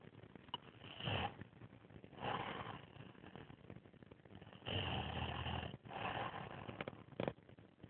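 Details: Asian male fiancé recorded for snoring too much and too loudly: loud, rough rattling snores with each breath in, roughly four over eight seconds, separated by quieter breathing.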